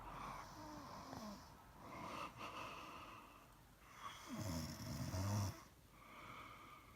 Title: Starting engine snore